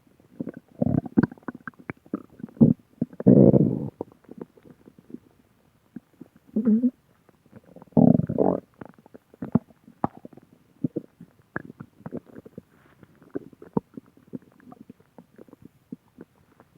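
Irregular gurgles, pops and a few longer rumbling growls over about 17 seconds: stomach growling, ordinary bowel sounds.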